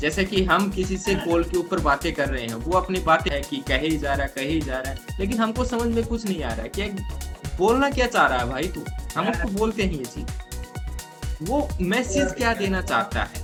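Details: Adult male speaker, Hindi; normal fluent speech.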